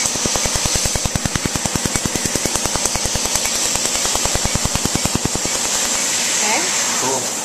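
Rapid, even snapping pulses, about 200 a minute, from a tattoo removal laser firing for several seconds, then stopping; faint talk behind.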